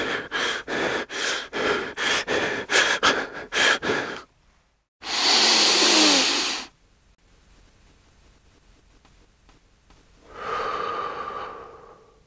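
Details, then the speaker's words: Rapid, laboured, rhythmic breaths at about 200 a minute during an asthma attack, then a sustained hiss of an inhaler puff and a long inhalation as the inhaler relieves the symptoms. "what you just heard there was an asthma attack and a person using an inhaler to relieve their symptoms"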